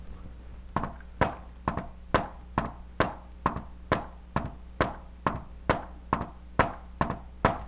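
Tapped imitation of a fourth heart sound gallop, an extra beat falling just before the first heart sound.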